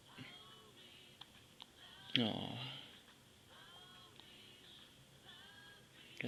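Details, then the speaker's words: Baby hiccups: small abrupt catches in the breath at irregular intervals, with one louder burst, over soft background sound. "You got the hiccups. Yeah, you do. Yeah, you do. Yeah, you do."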